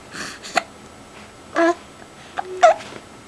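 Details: Smiling baby boy under two months old hiccups: several short, sharp, squeaky catches at uneven intervals, about one a second, in a quiet room; hiccups.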